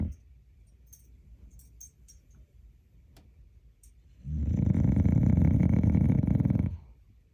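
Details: Dog snoring: a quiet room, then one loud, rough, fluttering snore lasting about two seconds, described as snoring like a hog.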